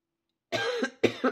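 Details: Cough from an adult with flu and a very hoarse voice.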